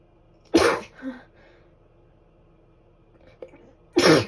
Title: I'm tired from sneezing too much🤧 #sneez